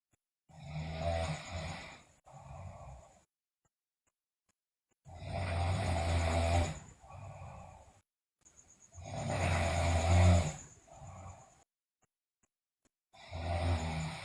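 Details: Sleeping girl snoring loudly, with bruxism and delirium reported: loud rattling snores on inhalation, each followed by a softer expiratory snore, about 16 breaths a minute, with silent pauses.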